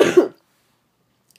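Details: A single short, forceful cough burst in a quiet room, then silence; adult with a cough talking about a yoga flow; cough.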